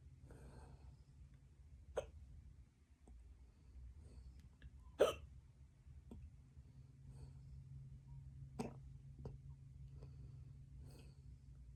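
Soft, sharp hiccup clicks recur irregularly, about seven in twelve seconds, over a low room hum.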